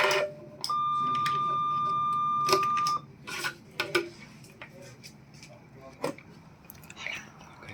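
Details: RF plasma surgical system demonstration with the plasma electrode activated by foot pedal (intervertebral endoscopy and lumbar cutting heads shown): a sustained electronic tone for about two seconds, then scattered clicks and crackles as the tip runs.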